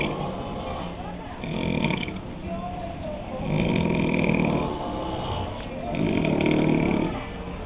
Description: Among the guys at Week 2 of Mexico Mission Project, there were some pretty prolific snorers, as you can hear from this footage of an afternoon nap.